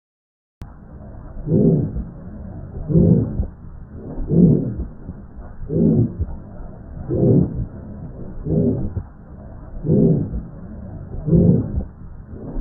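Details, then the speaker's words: Aortic stenosis heart sound example: a slow, regular heartbeat with a loud, harsh systolic murmur filling each beat. "You will hear a loud harsh systolic murmur. You can hear an example in this audio clip."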